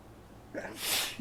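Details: Person with hay fever in allergy overdrive: a quick inward breath, then one loud, wet, explosive sneeze caught in tissues; an allergic hay fever sneeze.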